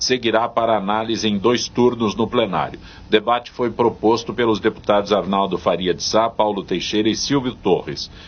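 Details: Adult male speaker; ordinary speech.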